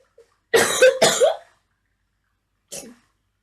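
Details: Ill girl with runny nose, playing a game in bed: two harsh coughs back to back then a softer third, a short coughing bout.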